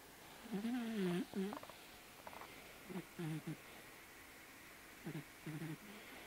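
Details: Short, squeaky, buzzing snoring noises recurring with each breath, roughly every two seconds, from a sleeping dog.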